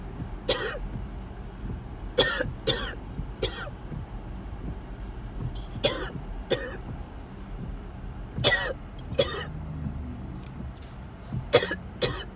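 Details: Repeated harsh coughs in bursts, about a dozen over twelve seconds, over car road noise while driving to the hospital ER; coughing fit.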